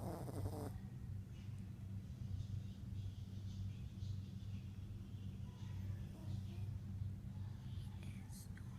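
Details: Sleeping Yorkie snoring: continuous low rumbling, fluttering breath noise with a brief higher sound at the start.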